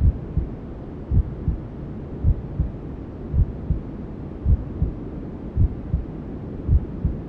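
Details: Newborn-sleep ASMR simulating womb sounds: soft muffled low thumps at about 54 a minute over steady hissing white noise, imitating a mother's heartbeat heard from the womb.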